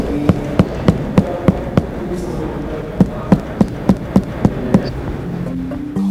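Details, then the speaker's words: Two runs of sharp, evenly spaced hollow drum-like taps from finger-on-finger abdominal percussion, starting in the right lower quadrant and moving clockwise, in a nursing exam demonstration; tympanic abdominal percussion. "sons produzidos pela percussão são descritos como típicos ou maciços a distribuição os eventuais mudanças nesses tons determina o tamanho ea posição dos órgãos e do conteúdo"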